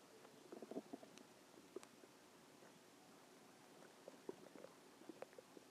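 Soft gurgles and bubbling pops over a quiet hiss; normal stomach growling from gas and fluid moving through the gut.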